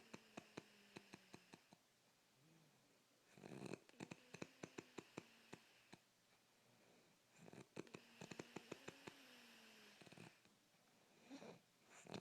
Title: Snoring like a motorcycle